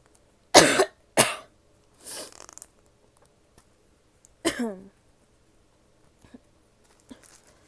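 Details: From a female: two sharp coughs, a rough throat-clearing, then a single cough trailing into a voiced groan, with soft breaths after; coughing.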